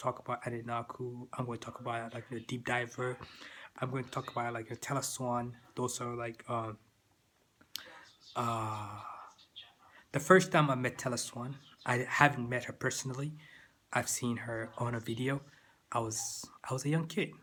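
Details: Adult man with persistent stuttering that continues into adulthood.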